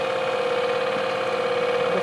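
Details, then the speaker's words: Lightweight portable air compressor attached to a car, simulating ambulance transport, driving a humidified high-flow nasal cannula system for newborns with flow planned at 1–4 L/min: a steady mechanical hum with a constant tone. "the same Corporation and now I'm going to start the compressor and that's going to allow us to adjust the amount of needed independently of baby"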